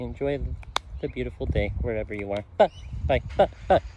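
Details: Tourette syndrome with coprolalia (involuntary offensive vocal tics); a recurring "i love you" may be a vocal tic; vocal tics (Tourette syndrome).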